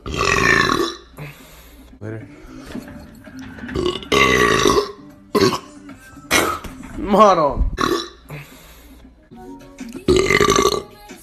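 Several loud, drawn-out voiced belches with background music and brief talk between them; deliberate burping.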